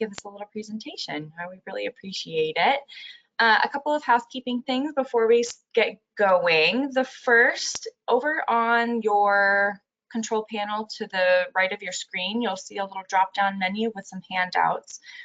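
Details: Adult woman speaking; normal speech.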